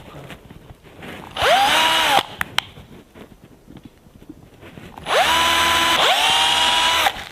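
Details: Orthopaedic fracture surgery demonstration: two bursts of a power drill whirring up to speed and running, drilling through a small bone fragment for a fracture screw.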